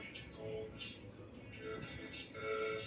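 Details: Diplophonia, a two-toned hoarseness due to compression of the recurrent laryngeal nerve in mitral stenosis.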